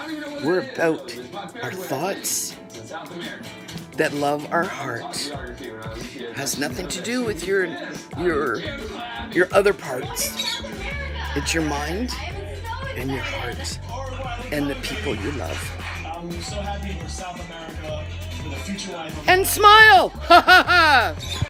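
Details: Aphasia with apraxia of speech in an adult woman, self-described, following a "head problem" about two years earlier; she attributes it to not following a gluten-free diet and says she is relearning her words.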